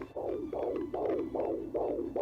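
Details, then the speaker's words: Fetal heartbeat at 19 weeks of pregnancy, recorded with a home fetal Doppler: regular swishing pulses at about 150 a minute, with extra noise when the baby moves. "My baby has a heartbeat. So the heartbeat is usually between like 120 and 140."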